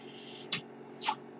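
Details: Mechanical ventilator noise heard in the background while a man speaks.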